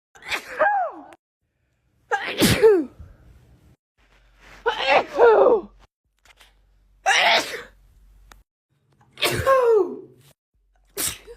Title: Natural sneezes